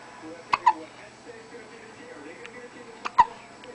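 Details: A baby, who often gets hiccups, hiccups twice in two pairs: abrupt, sharp hiccup sounds against quiet room noise; ordinary hiccups.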